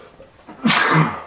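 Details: Person with daily allergies: a short in-breath, then one explosive sneeze that trails off; a single sneeze.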